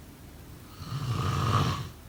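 A single low, rattling snore on an indrawn breath during sleep.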